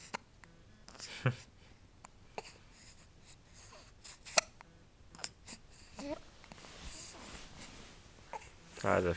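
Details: Baby with hiccups: short, sharp, abrupt hiccup sounds every second or two among soft infant noises in a quiet room.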